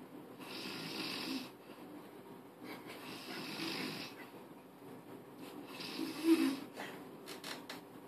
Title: Snoring queen